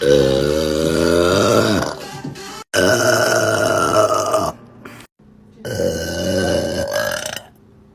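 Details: Adult woman (mom) burping hard, from a compilation: three long, loud, drawn-out belches in a row, each a low rumbling voiced tone, over background music.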